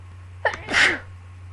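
A brief intake of breath followed by one forceful explosive sneeze; an ordinary sneeze.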